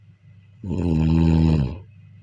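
A single long, buzzing, rattling snore on an in-breath, with faint room hum.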